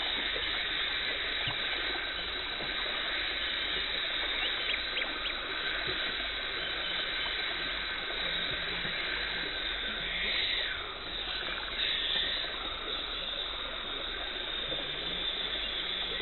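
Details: Dental hygienist performing a professional teeth cleaning in a dental clinic, removing tartar and plaque, no talking: steady high hiss with water spray and suction noise and brief instrument squeaks.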